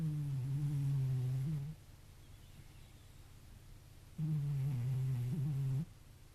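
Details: Two long, low, droning hums on breathing, separated by a quiet pause, from a cat sleeping soundly by a window; soft snoring.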